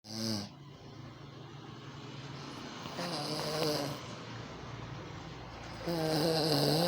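Low rumbling snores with a few breath cycles over steady room noise; ordinary snoring.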